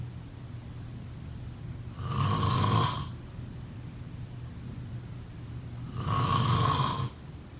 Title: Snoring sounds..